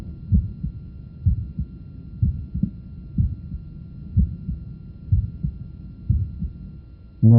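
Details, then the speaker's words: Heart auscultation at about 62 beats a minute: a soft, typical innocent systolic murmur with a widely split second heart sound that does not become single on expiration. "innocent systolic murmur and also a wider split of the second sound which does not become single with expiration"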